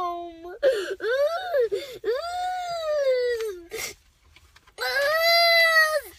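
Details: Loud, wailing cries in long, high-pitched bursts with short pauses from a girl at gymnastics having a tantrum because she had to put her papers back in her bag.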